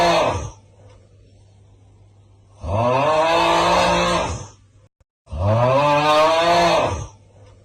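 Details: Pet named Coco sleeping: loud, tonal, rumbling snores repeating about every two and a half seconds.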